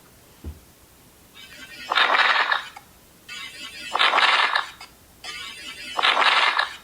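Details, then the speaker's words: Crackles played from a lung-sounds phone app during a nursing lecture on respiratory disorders: a rough crackling noise with each of three breaths, likened to a transformer and said to indicate fluid in the lungs. "Okay, that's crackles, no? Mura siya og kanang transformer, no? Ni giubo."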